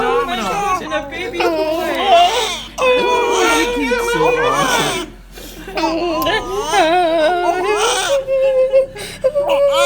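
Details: Newborn boy just after birth in the delivery room: repeated short vigorous cries with pitch breaks, adult voices and emotional talk around; newborn cry.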